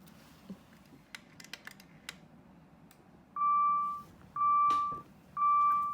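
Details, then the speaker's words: Alaris GP volumetric infusion pump demonstration: soft clicks, then loud steady high-pitched alarm tones about once a second as air in line stops the pump; infusion pump air-in-line alarm. "there's a in line in the pump it will sound a red alarm that stops the pump to get rid of the air in line"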